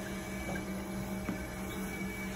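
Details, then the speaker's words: Steady low pump hum with faint fluid trickling and a soft tick. A hemodialysis machine is on its first of two primes, clearing air bubbles and manufacturer chemicals through the dialyzer into the bucket. "so we want to prime this twice just to make sure we get rid of the air bubbles and the chemicals from the manufacturers"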